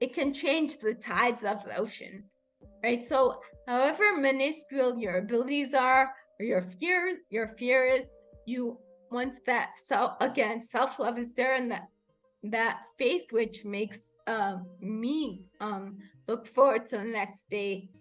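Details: Adult woman with rare degenerative cerebellar ataxia of unknown cause, diagnosed as a pre-teen; slurred speech began in early teens, improved with speech therapy, and worsens with fatigue or emotion; ataxic dysarthria.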